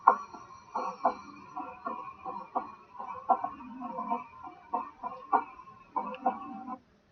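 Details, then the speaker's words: Still's murmur, common in children: paired heart sounds with a low-pitched, resonant, vibratory systolic murmur at the left lower sternal border; grade 1–2/6, decreases with standing and Valsalva, benign flow murmur. "that's the sound that you're going to hear from the stills murmur and have to be very benign"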